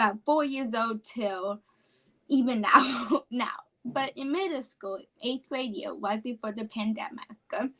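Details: 17-year-old female high school senior with apraxia of speech, which she describes as a neurological speech disorder.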